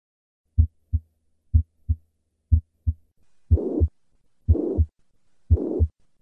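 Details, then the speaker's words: Heart sounds at about 60 a minute, first three beats normal, then a high-pitched, blowing holosystolic murmur of constant intensity, loudest at the cardiac apex and radiating to the axilla. Mitral regurgitation. "to recap the murmur of mitro regurgitation is systolic maximum at the cardiac Apex and Plateau shaped in character"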